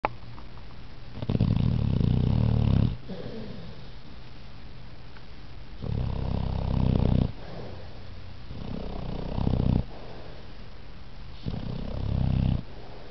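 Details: Pit Bull sleeping comfortably, snoring heavily: loud, low rattling snores on each inspiration, about four in 13 seconds, with quiet breathing between.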